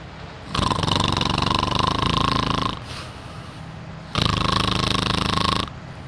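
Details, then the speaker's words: Sleeping dog snoring, heard over a Discord call during a team meeting: two long, loud buzzing snores with a quieter breath between. Finding: snoring. "it was bgo's dock was snoring and we all couldn't figure out what was this noise it was it was just bgo stuck snoring it was so funny"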